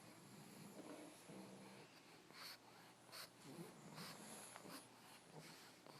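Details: Pile of sleeping pugs snoring and sniffling: several overlapping snores with wheezy snorting noises; noisy sleep breathing in flat-faced dogs.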